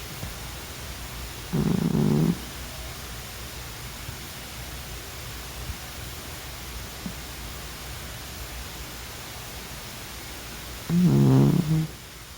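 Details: Sleeping cat snoring, described as a rare moment: two low, rumbling snores about nine seconds apart against steady room hiss.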